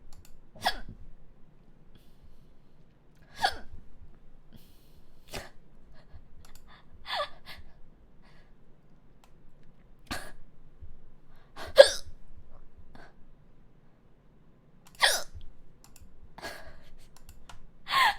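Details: Streamer during a live stream, repeated sharp abrupt catches of breath at irregular intervals of a few seconds, about eight in 18 seconds, in a quiet room; hiccups.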